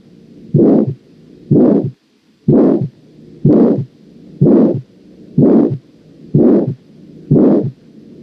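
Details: Systolic ejection murmur of aortic valve stenosis on auscultation: regular loud harsh whooshing bursts about 62 a minute, filling each beat.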